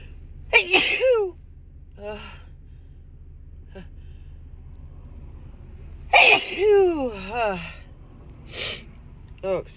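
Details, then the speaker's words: Adult woman in a sneezing fit while driving home, possibly getting a cold, itchy and stuffed up: two loud voiced sneezes with falling cries, with breaths and gasps between, over engine hum. "oh excuse me I have to sneeze again oh wow oh God oh my God I just can't stop sneezing"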